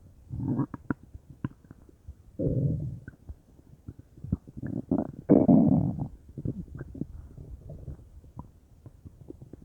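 Bursts of gurgling, bubbling belly rumbles with short clicks between them, ordinary bowel sounds.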